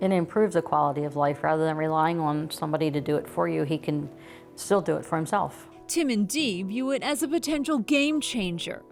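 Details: Adult woman speaking; Typical speech.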